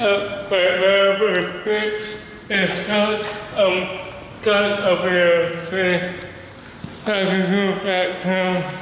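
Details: Male with cerebral palsy who describes having a speech disability; dysarthria due to cerebral palsy.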